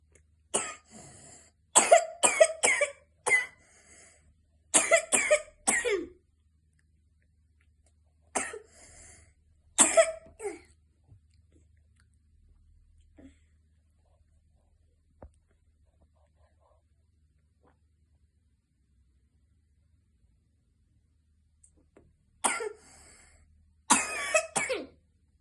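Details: Chronic cough in asthma: repeated bouts of forceful adult coughing, about fourteen coughs in several clusters separated by quiet pauses.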